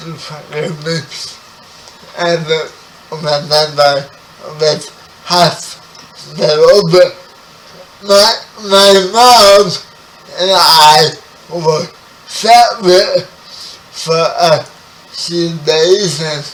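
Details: 30-year-old man with spastic quadriplegic cerebral palsy, born 11 weeks premature; speech affected by the condition; dysarthria (cerebral palsy).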